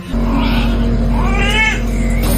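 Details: Thin, rising wails from a newborn just after a normal delivery at a midwife clinic, the mother having blown and coughed hard to push, over a steady low background hum: newborn cry.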